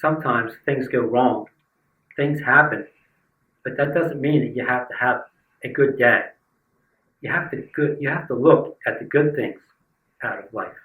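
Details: Aphasia in a person living with aphasia; word-finding errors.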